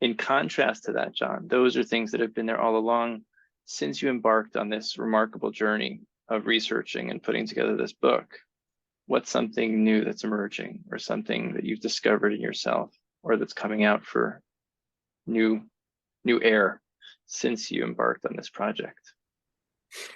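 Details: Adult male speaker; typical speech.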